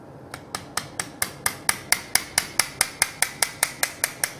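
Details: Rapid, sharp metallic taps, about 146 a minute, from a mallet driving a scraper into the intervertebral disc space to prepare a cage bed during robot-assisted lumbar stabilization for a thoracolumbar fracture; surgical hammering.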